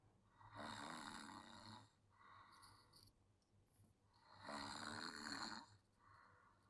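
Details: Sleeping child snoring; two long, buzzing snores on breathing in, with softer whistling breaths between.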